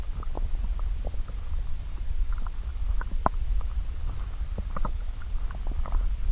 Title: Stomach growl (hungry)